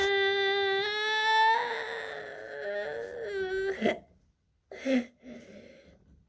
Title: Acute laryngitis sound stridor 어린이 급성 후두염 소리 크룹 후두개염 기도폐색 협착음 후두 부종 호흡장애 choking